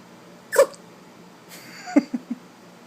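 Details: Maltese puppy, 12 weeks old, tired at the end of the day and teething: a sharp nasal burst, then a quick run of three smaller ones, in a quiet room; puppy sneezes.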